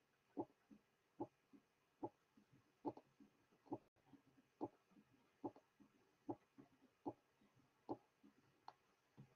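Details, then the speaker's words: Mitral stenosis teaching recording: regular heartbeat about 72 per minute with a loud first sound and a low rumbling mid-diastolic murmur, introduced after the first few cycles. "The following example will present each feature of mitral stenosis. A loud first sound is followed by a mid-diastolic murmur."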